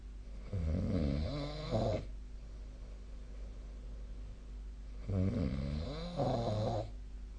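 Two loud, rattling snores, each with a rough two-part breath, over steady room hum; snoring during sleep.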